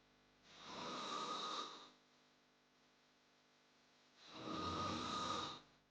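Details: Snoring sound-effect recording: two long, harsh rattling snores about four seconds apart, with quiet gaps between; loud snoring.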